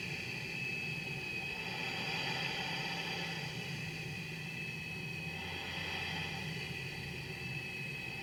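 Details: CPAP machine from 2007 running: it starts at low pressure and ramps up to the prescribed pressure, then runs at full prescribed pressure for a mask fit test; steady whooshing airflow, faint motor hum, slight rise and fall in loudness.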